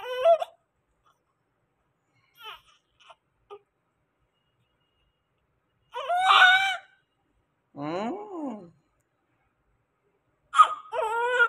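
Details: Low-birth-weight newborn baby delivered by C-section, crying just after birth: intermittent cries and whimpers with quiet gaps between them; a normal newborn cry.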